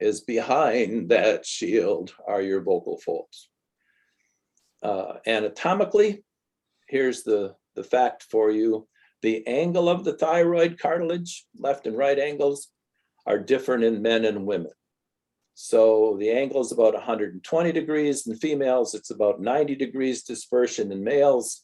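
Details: Adult male lecturer; typical speech.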